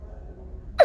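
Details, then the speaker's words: Child with tracheomalacia producing a tracheal cough, accompanied by recurrent wheezing often mistaken for asthma; tracheal cough. "de estos pacientes con esa tos traqueal se vienen acompañados de sibilancias recurrentes entonces piensan que es asma nos tratan como asmáticos y empeoran la malasia tráquea"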